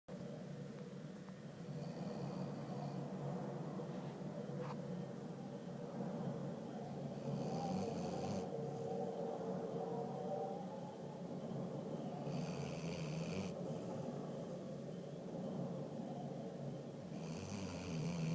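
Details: A Basset hound sleeping on the owner's foot, snoring hard: low, rough snoring in slow cycles over steady room noise, some breaths with a snorting edge; heavy snoring.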